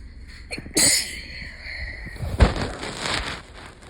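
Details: Allergic sneezing the day after a bad allergy day: a sharp explosive sneeze burst, then a second forceful burst with noisy exhalation.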